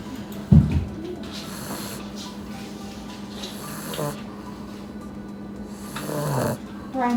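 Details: Puppy napping after playing hard; soft, repeated snuffling snores with a steady hum and some room noise in the background. Snoring.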